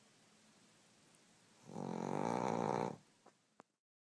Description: Cheddar the Pug snores like a grown man with nasal issues!! DAMN!